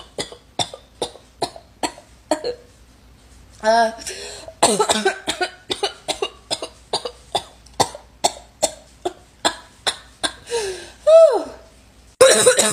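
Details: Girl with a bad barking cough: rapid runs of short, harsh coughs, many packed into each breath, with strained, noisy breaths drawn in between: barking cough.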